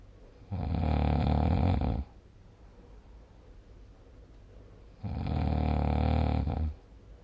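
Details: Two long, loud, low rumbling snores with quiet gaps, about 13 breaths a minute; typical snoring, recording given a snoring score of 77.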